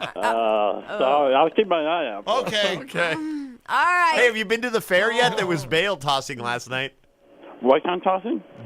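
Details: Adult speakers on a radio phone call; ordinary conversational speech.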